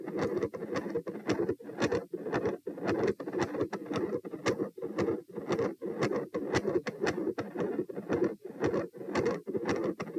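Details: Heart sounds recorded at position P: gradually appearing continuous machinery murmur, with some electrical disturbance.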